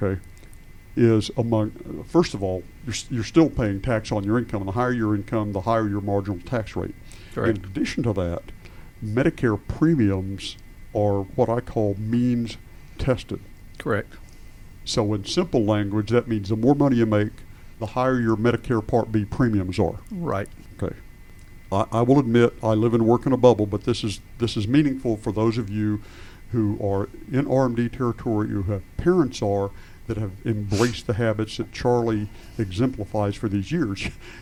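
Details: Adult male speaker; ordinary speech.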